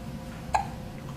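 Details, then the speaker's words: Three-week-and-one-day-old newborn with hiccups, arms and legs constantly moving under a blanket: a single sharp, brief hiccup against quiet room noise; normal infant hiccup. "good morning golda you have the hiccups today"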